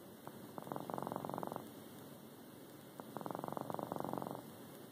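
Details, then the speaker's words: Sleeping pet cat heard snoring for the first time: two soft, fluttering, purr-like stretches of rapid pulses about three seconds apart; light snoring. "That's how he's snoring. Never heard him snore before."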